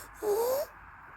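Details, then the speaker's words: Young boy whose mother reports COVID-19 circulating, with acute laryngitis (swollen throat, choking risk): a single hoarse, hooting, seal-like barking croup cough. "喉炎，急性喉炎，它就是喉咙那里肿起来，它容易窒息。"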